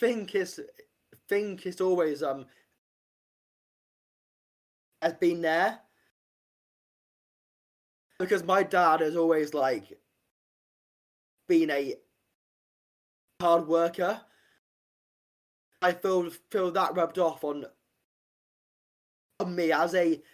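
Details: Stuttering (stammering) in an adult man, an army medic, who has stammered since about age five after being late to start talking; real, not acted.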